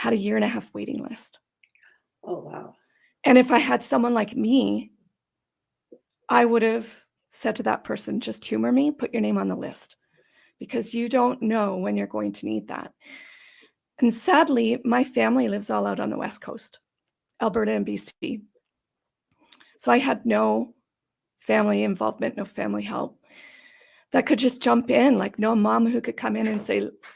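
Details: Adult woman with idiopathic subglottic stenosis for about 12–14 years, treated with repeated tracheal dilatations and surgeries: dysphonia from subglottic stenosis.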